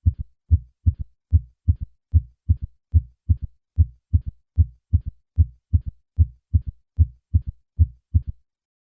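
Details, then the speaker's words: Simulated third heart sound (S3 gallop) at the cardiac apex, heard with the stethoscope bell held lightly, patient in left lateral position. Three normal beats, then a soft low early-diastolic sound after S2, regular rate near 74 per minute. "when a third heart sound occurs in patients over the age of 40 left ventricular failure should be suspected"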